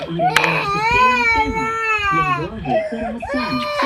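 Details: Young child crying because his mother is pretending to be dead: loud, sustained wailing with sobbing breaks; an emotional cry, not a sign of illness.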